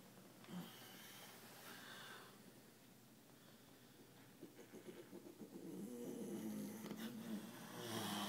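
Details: Man asleep in a hotel room: faint, rough snoring breaths over a noisy room background, growing louder toward the end; snoring.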